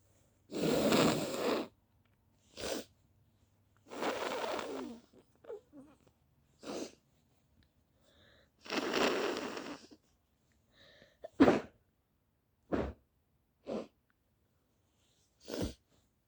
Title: now I and my brother are sneezing my cold is coming toooo! h hha thoo